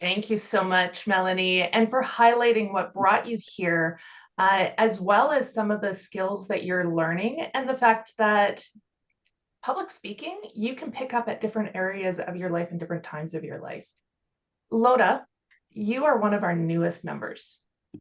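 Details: Adult woman speaking; normal speech.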